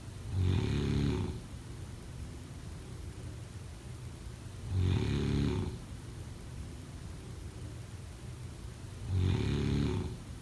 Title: Snoring sounds